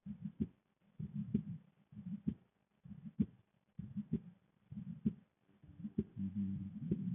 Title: Visible female neck pulse with heartbeat sound